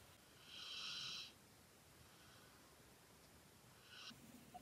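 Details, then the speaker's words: Faint, hissy, snorting breath sounds from a sleeping pit bull in the background, two noisy breaths a few seconds apart over quiet room noise: snoring. "Can anyone hear the snoring pit bull in the background? Because it is making it really hard for me to gather my words and think straight."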